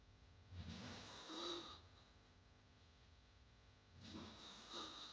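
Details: Snoring sound effect: two harsh, rattling hard snoring breaths about four seconds apart over quiet background noise.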